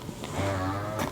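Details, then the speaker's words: Dr. Brown's Customflow double electric breast pump at level twelve of expression phase: loud, steady motor hum with low drone. "so right now we're on level one and we can go all the way up to level five in this letdown face and as you can hear it gets significantly louder in level five"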